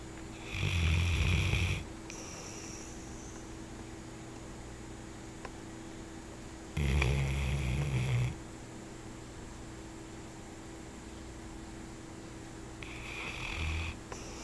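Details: Loud rattling snores about every six seconds, roughly ten breaths a minute, from a person while sleeping; quiet room hum between snores; ordinary snoring.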